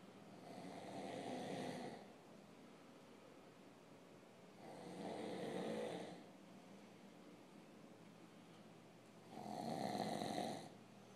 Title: The snoring King